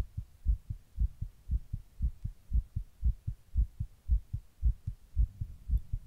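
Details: Heart recorded while sitting in 100-degree heat during a heatwave: steady, rapid heartbeat at about 115 beats a minute, each beat a dull low thump, tachycardia.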